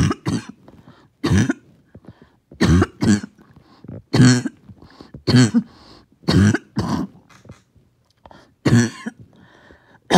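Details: First coughing fit of the day, with mucus that would not come up; about eight deep, wet coughs in paired bursts with pauses between.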